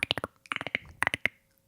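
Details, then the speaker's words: Rapid bursts of sharp throaty clicks and knocks imitating a raven, from a musician diagnosed with Tourette syndrome at 17 whose tics mimic bird sounds; vocal tic in Tourette syndrome. "picked up the bird sounds and will mimic them without me knowing how to even do it which is crazy and I literally have to sit down and listen to the tick and observe it in order to learn how it makes that sound"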